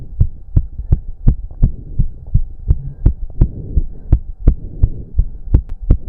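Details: Male heartbeat during an intense cardio workout of about 15 minutes, with heavy breathing. Strong, rapid, regular pounding at about 165–170 a minute over a faint hum; he reports close to 200 bpm. Exercise-induced sinus tachycardia.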